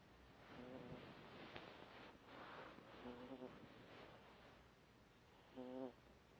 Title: snoring 😴